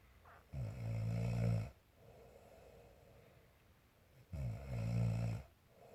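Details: Mother snoring in sleep: deep vibrating snores on inhalation roughly every four seconds, with a softer rushing exhale between; steady snoring.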